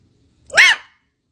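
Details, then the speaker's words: Hiccup, loud enough to wake the house, likened to a donkey bray. "That was a hiccup. It has been compared to a donkey braid before."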